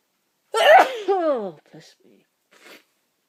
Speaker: a my nose is tickling and tickling and tickling oh I've got to sneeze one more time